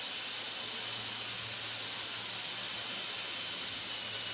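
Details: Dental drill sounds recorded as ASMR: the steady high-pitched whine of a running dental drill, held without a break.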